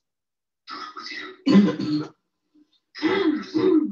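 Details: Home video from a parent: a young boy playing Spider-Man with an adult gives harsh, repetitive throat-clearing coughs in two quick clusters separated by a short pause, at least once a minute, a habit cough.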